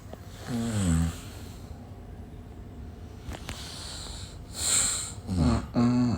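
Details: Person asleep in the morning during a livestream, described as snoring very loudly: loud, rough snoring breaths repeating with quiet pauses between. Snoring.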